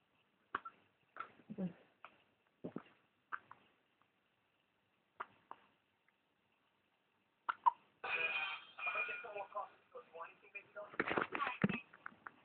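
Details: Child's hiccups: short, sharp catching sounds repeating irregularly over several seconds, then the child talking with faint music behind.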